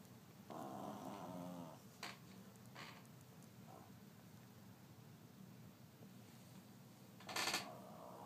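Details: A sleeping female pet gives a low, rattling snore early on, then a sharp sniff-like snort near the end against quiet room noise; animal snoring.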